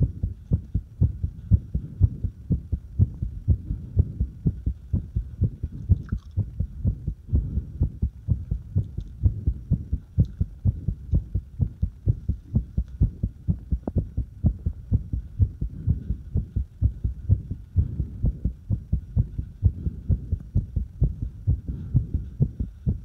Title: Irregular heartbeat and fast heartbeat